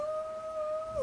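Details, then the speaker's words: Imitated wheeze: a person vocally imitates the thin, high-pitched wheeze sound, likened to childhood bronchitis. "fininha naquele barulho agudo é Normalmente quando a gente é criança a gente tem bronquite não sei se aconteceu com você Comigo aconteceu muito eu falava para minha mãe mãe eu tô com um gatinho no peito"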